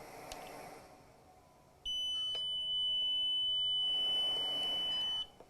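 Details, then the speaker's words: Steady high-pitched electronic alarm, about three seconds, from a non-invasive ventilator (NIV) used for COVID-19 positive patients, warning that the patient is not receiving the desired therapy. "this ventilator will give me alarms and warnings to let us know if the patient is not receiving the desired therapy this style of ventilator will give an alarm noise as"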